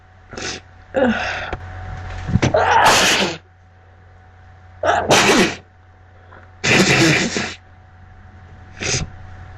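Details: Several sharp sneezes with catching breaths, over a steady background hum; repeated sneezing in a person with a congested nose.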